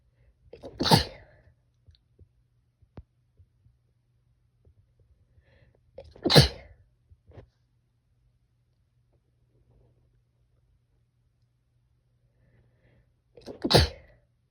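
Three separate sharp sneezes, each a sudden explosive burst of air, spaced several seconds apart in a quiet room.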